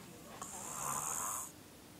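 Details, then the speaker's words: Adult man asleep in front of the TV, snoring: a single harsh, rattling snore on an in-breath lasting about one second; very loud snoring likened to a bear. "Once again, this nigga is asleep, snoring at the top of his lungs, yo."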